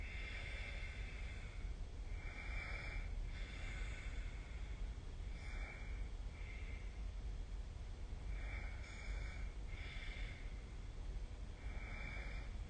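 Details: Rhythmic snorting snores during sleep, about 18 breaths a minute, over a steady low background rumble, recorded with the SnoreLab phone app: snoring.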